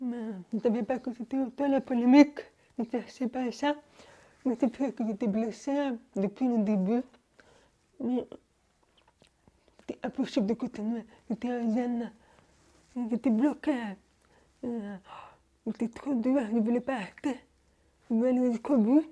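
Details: Young woman born deaf, using hearing aids since birth and recently new hearing aids, speaking French orally while lip-reading; finding: deaf speech (speech of a person deaf from birth).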